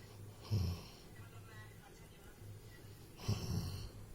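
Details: Two rough, rattling breaths with an airy hiss, about three seconds apart, over a low background hum: a dog snoring.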